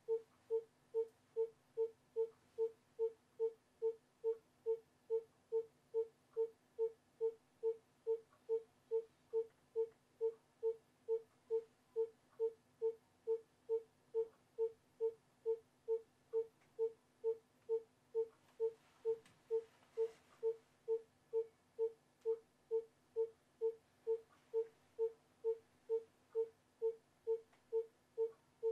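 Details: Fetal monitoring rhythm 3, an educational recording: steady, evenly spaced monitor tones at about 136 per minute tracking a fetal heart rate.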